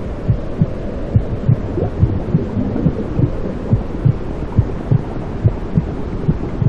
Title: Inside Womb Sounds For Newborn To Stop Crying and Sleep Peacefully